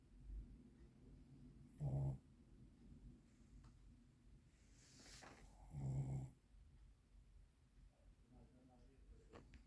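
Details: Sleeping dog snoring: two low rumbling snores about four seconds apart, roughly 15 breaths a minute, in a quiet room.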